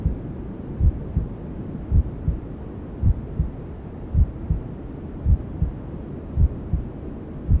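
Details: Sleep sound for newborns: steady, muffled low thumps at about 54 a minute under a constant hiss of white noise, imitating the mother's heartbeat and sounds heard inside the womb.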